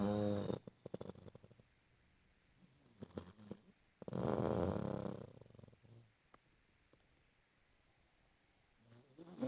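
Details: Person snoring in sleep: irregular low rattling snores separated by quiet pauses, with faint room noise.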